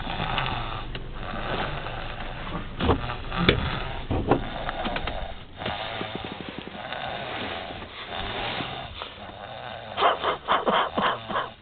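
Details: Son snoring while asleep; loud, rough, rattling breaths with a fluttering quality, ending in a series of short snorting pulses. Heavy snoring.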